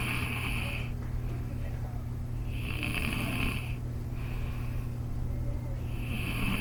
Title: Hear this boy snoring at school and he cannot wake up!